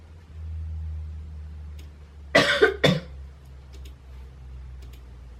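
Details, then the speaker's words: Acted cough by a woman staging a coughing-up-blood prank on her boyfriend after recent wisdom tooth removal: two harsh cough bursts in a quiet room with faint background hum; simulated, not real illness. "what if I just like started coughing up blood like what the [ __ ] would Jordan do it's gonna be scary"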